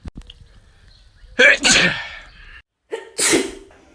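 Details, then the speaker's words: A person tries to make themselves sneeze within 15 seconds using a piece of grass: an inward breath, a loud explosive sneeze, then a second sneeze shortly after. "I was there seeing something buzzing trying to make myself sneeze in less than 15 seconds with a piece of grass"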